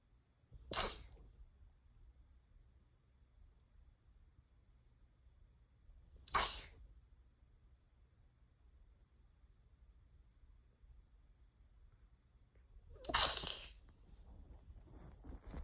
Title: sneeze 56